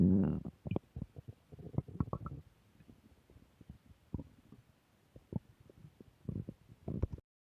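Low gurgling rumbles and short bubbling pops come and go, typical stomach growling from gas and fluid moving through the gut.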